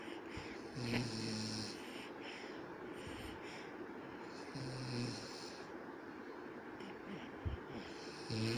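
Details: Snoring from a father sleeping beside his baby: soft, low, rattling snores recurring every few seconds under steady room noise.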